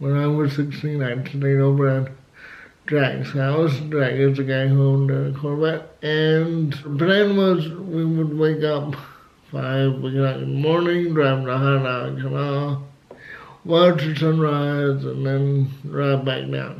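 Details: Adult man with cerebral palsy who had to learn to talk, also has asthma and says flu almost killed him; dysarthria due to cerebral palsy.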